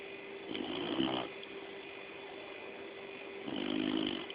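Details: Two rough, rattling snore sounds a few seconds apart over steady background hum: a Labrador dog snoring in sleep.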